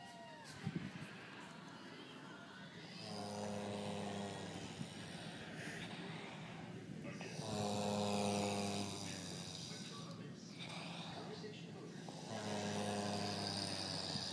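Three droning, buzzing breaths about 13 a minute over background noise: regular snoring.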